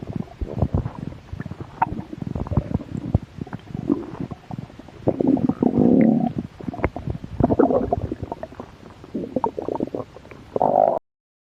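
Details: Close-up ASMR recording of belly while a little hungry: gurgles, pops and drawn-out rumbles; stomach growling.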